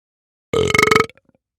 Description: Hi everyone! This video is about burp and belch sound effect.